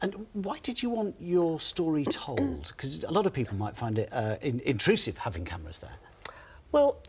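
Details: Adult speaker, interview; ordinary speech.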